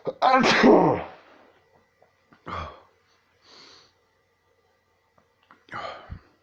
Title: sneezing like a crazy person!